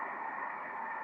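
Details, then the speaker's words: Color Doppler over the embryo's heart region in a missed miscarriage, with embryonic death at 7 weeks (9-week pregnancy): steady hiss with no rhythmic pulsing; absent fetal heartbeat. "Il n'y a pas de battement de coeur !"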